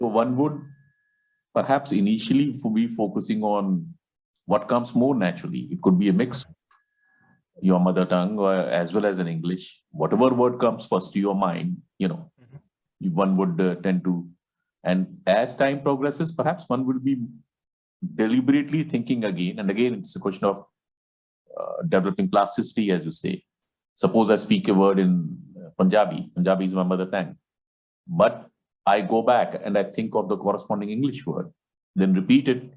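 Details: Adult man speaking; Normal speech.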